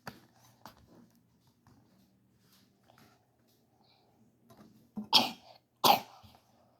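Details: Child reading a picture book aloud about a bunny gives two sharp, dry coughs after a quiet stretch with faint speech; cough.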